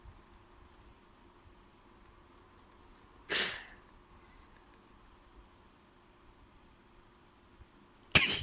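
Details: Person with a spring cold, sore throat and sneezy stuffy nose: two sharp, explosive sneezes a few seconds apart in a quiet room; sneezing fit.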